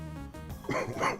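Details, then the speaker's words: Two short, rough coughs from a 38-year-old adult smoker who is currently sick, hoarse voice, self-described as sounding like a 95-year-old smoker; cough during illness. "My cough. I sound like a 95-year-old smoker. Not a 38-year-old smoker."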